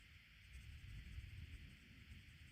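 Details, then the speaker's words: Faint, irregular low rumbling over a steady background hiss from an adult's hungry stomach after eating only a yogurt and crackers with cheese all day: normal stomach rumbling (borborygmi). "oh there's my tummy rumbling I do hope you don't hear that it wasn't too loud so I should be okay"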